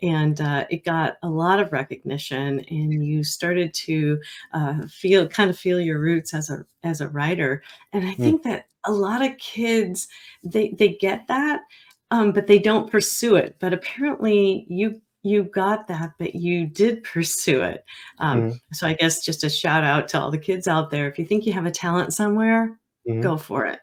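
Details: Adult woman speaking; normal speech.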